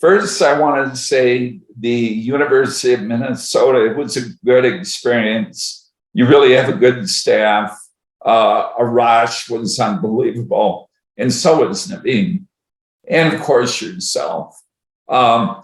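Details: Person with adductor spasmodic dysphonia (laryngeal dystonia) treated with Botox injections, recorded near the time of the next injection; has tried laryngeal vibrotactile stimulation.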